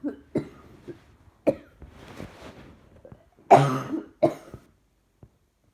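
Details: Several separate dry-sounding adult cough bursts with quiet breathing between, loudest near the end, in a quiet room; repeated coughing the person is trying to suppress.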